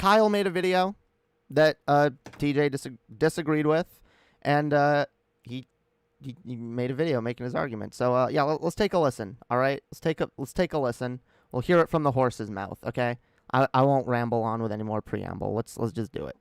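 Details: Real, self-acknowledged stuttering in a male streamer during a live stream; word and phrase repetitions.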